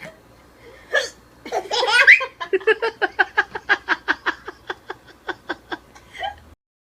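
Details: Mother's sharp hiccup followed by a 4-month-old baby's long run of rhythmic laughter at the hiccups; hiccups mixed with laughing.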